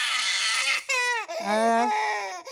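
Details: A baby cries in short wailing bursts, with a clear pitched voice that rises and falls.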